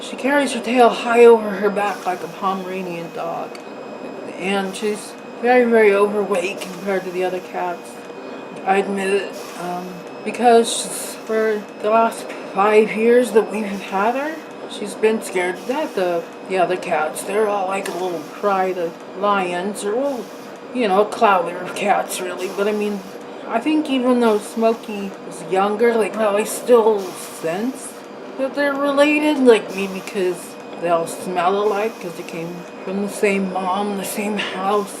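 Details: Adult woman with facioscapulohumeral muscular dystrophy, on ventilator via tracheostomy with ventilator noise; slurred words, sounds out of breath, barely able to move mouth or smile. Dysarthria.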